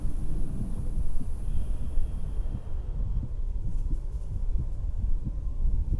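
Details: Woman's own real heartbeat through a stethoscope while sitting on a beach house porch: steady, regular low thumps at about 88 a minute under wind, ocean wave and seagull noise; normal resting heart sounds.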